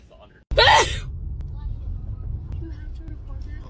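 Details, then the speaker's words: A single loud, explosive sneeze, then quiet room with faint road noise; sneeze. "you know what I always think about every time I sneeze when I'm driving I sneeze and I'm like wo this would be an awful time to get in a car accident"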